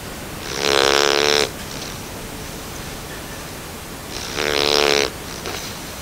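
Two long, rattling buzzing snores about three and a half seconds apart, each lasting near a second, over steady background hiss.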